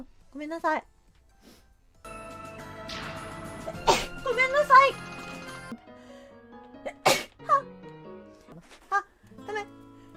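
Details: Compilation of a streamer's sneezes from several streams: a few sharp sneeze bursts mixed with vocalizing over background music.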